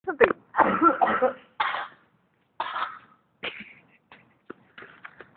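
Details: Person coughing at lunch.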